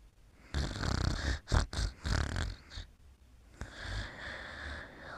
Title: Mimi's Bedtime: Mimi Sleeping and Snoring Part 4